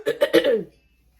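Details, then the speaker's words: Adult woman testing positive for COVID, fully vaccinated, with very bad allergies, whose throat felt funny, repeatedly clearing it; dry cough. "as soon as i left home and got in a car that's when my throat started feeling really funny and i kept having to do that to clear it up"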